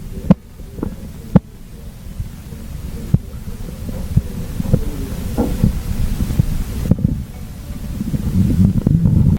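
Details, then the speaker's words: Blood pressure taking demonstration: soft, irregular thumps over a low hum as the cuff deflates, heard from the first sound (systolic) until they fade. Korotkoff sounds. "Well, basically, the sound that you will hear is called your Korotkov sounds."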